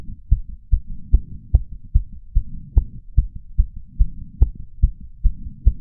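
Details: Racing heart of a 31-year-old male after exercise, recorded with a lapel mic and a small ceramic bowl: fast, regular, pounding beats from about 150 slowing to about 130 bpm, with breath sounds also heard.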